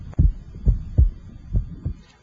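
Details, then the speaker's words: Normal heart sounds through an electronic stethoscope at the tricuspid area: low, soft paired thumps at about 70 beats per minute with no extra sounds. "the second heart sound splits or becomes wider normally with inspiration and becomes single with expiration"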